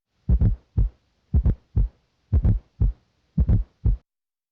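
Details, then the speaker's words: Low-pitched heartbeat around 58 a minute in an adult cardiovascular assessment, with a very soft, low-pitched ventricular filling sound late in diastole just before each S1: S4 heart sound (atrial gallop). "A fourth heart sound or S4 may occur late in diastily just before S1. This ventricular filling sound is very soft and low pitched."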